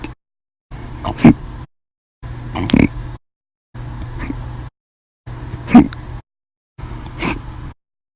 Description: The Violent, Bad Loud, Silent, Minute Hiccups lasted 13 Hours and 20 Minutes for after eating Breakfast, Lunch, and drinking 1 cup of soda after Dinner on 8/9/19.